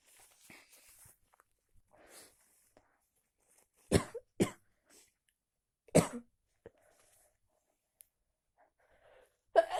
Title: Sneezes after snow and cold day